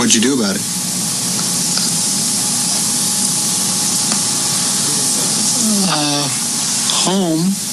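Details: Broca's aphasia in a male patient: agrammatic, telegraphic speech; he understands and responds using meaning but cannot form sentences or inflect words grammatically.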